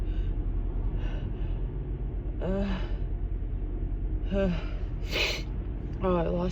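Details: Female with allergies and a stuffy, itchy nose: repeated voiced, rising gasps and false starts building up, then a sharp sneeze burst over low background rumble; pre-sneeze gasping.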